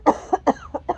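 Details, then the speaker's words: Person with COVID-19 who still tests positive, lingering congestion and Tourette's tics: a rapid run of about five short, voiced coughs within one second in a quiet room. "i have to cover my nose so i don't spread [ __ ] everywhere throughout my whole room when i'm coughing or sneezing"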